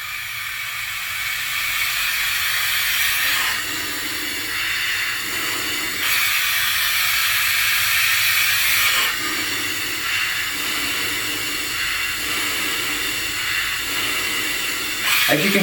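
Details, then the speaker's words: Steady loud airflow hiss that rises slightly as the flow is turned up on a Flow-Safe II+ disposable CPAP system in CPAP mode, raising the CPAP to 10 to set inspiratory pressure for bilevel 10/5. "I want to get to 10 because that's setting my inspiratory pressure if you remember my idea was to go to ten over five so I'm going to turn the flow up"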